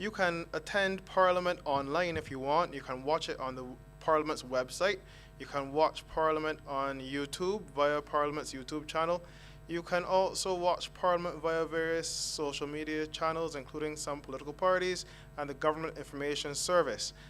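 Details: Adult man speaking; normal voice.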